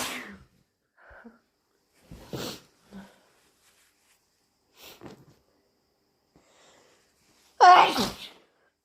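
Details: Several quiet breaths and catches, then one loud, forceful sneeze at the end; the sneezes are described as strong and wet, with allergies queried.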